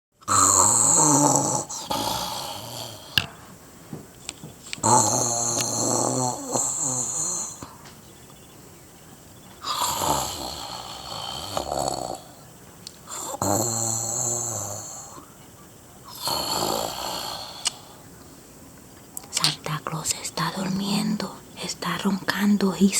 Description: It's never to late to hear Santa snore!